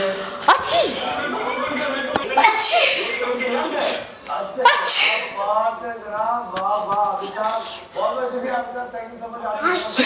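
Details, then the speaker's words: Child deliberately imitating sneezes on request amid adult talk: repeated forced, breathy fake sneeze bursts rather than true reflex sneezing. "चलो अब हम छींक के दिखाएंगे।"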